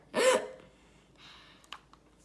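A single sharp, voiced hiccup with a quick catch of breath, then quiet breathing and faint clicks.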